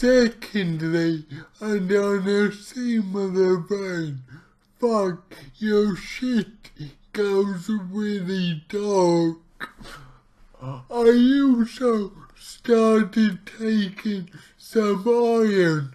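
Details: Male speaker with his own cerebral palsy, real not acted, trying a keto diet; dysarthria (cerebral palsy).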